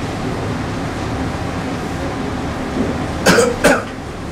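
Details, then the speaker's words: 64-year-old male asthmatic COPD patient with a paroxysmal dry cough continuing for two years, at times leaving him unable to speak; two short, dry coughs in quick succession over a steady background rumble; chronic paroxysmal dry cough. "dry cough peroxismal cuff it's two years continual cough he was unable to speak for two years"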